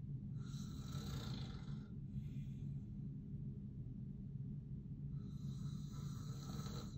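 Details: Adult man (a dad) snoring while asleep: low rumbling breaths with a rattling, snorting quality on inspiration, two cycles heard; snoring during sleep.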